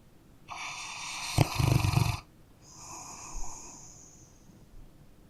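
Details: Dog sleeping and snoring: a loud rattling, snorting inhaled snore, then a softer whistling exhaled breath; snoring.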